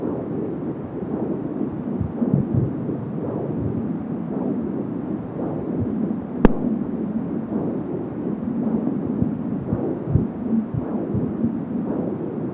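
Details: Fetal heartbeat at 10 weeks of pregnancy on an Angel Sound home fetal Doppler, first listen; rapid, muffled beat about 170 per minute within a whooshing rumble, the whoosh being umbilical cord sound.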